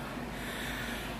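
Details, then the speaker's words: Overweight adult man (242 lb, out of shape, back problems) after a 38-minute, 1.85-mile walk: loud, noisy nose-and-mouth heavy breathing and wheezing after exertion. "maybe one day I'll be able to walk around this complex without wheezing like it you know a double lung patient"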